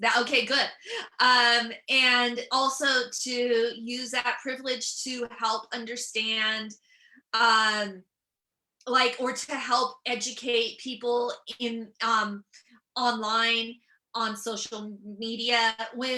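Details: Adult female comedian and author with real stuttering that began at age seven or eight, who also has dyslexia: stuttering.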